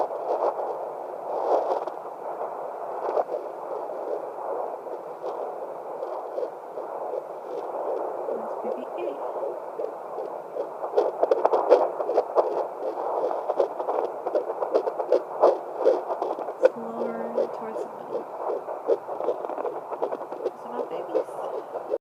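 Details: Fetal Doppler at 11 weeks, triplet pregnancy: muffled whooshing with fast pulsing beats as the probe searches, picking up three fetal heartbeats.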